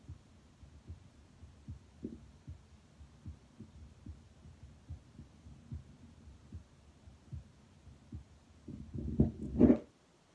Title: Auscultation stethoscope heart sounds mitral-tricuspid-erb’s-pulmonic-aortic+Lithmann Cardiology